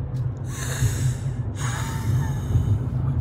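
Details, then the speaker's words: Person with asthma during an asthma attack: rough, effortful breaths with snorting, gasping airflow and faint whistling on the breath; labored breathing. "come listen to me have an asthma attack"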